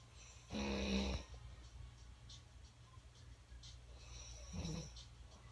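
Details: Loud snoring from the recorder's adult mother: harsh, rattling inhaled snores separated by several seconds of quieter breathing.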